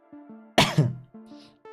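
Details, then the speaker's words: Single harsh adult cough over soft background music; the person has been sick with a cough. "Oh, cute cough. How dare you? You don't want to hear the other coughs that I muted for."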